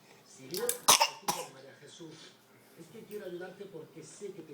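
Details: Child who is described as unwell: two or three short, sharp coughs followed by quiet talk in a small room.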